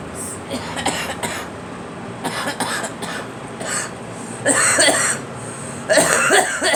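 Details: Girl coughing: several harsh coughing bursts from a child over steady background noise, with a couple of louder coughs near the end.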